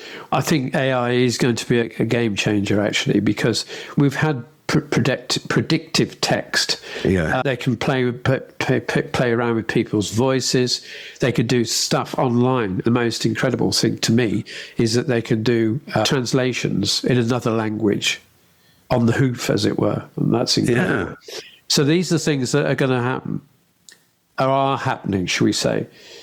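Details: Adult man with aphasia after a brain bleed, initially unable to speak, more fluent after about 6 months, described as higher functioning; still needs extra time to process and form words and tires through the day; aphasia.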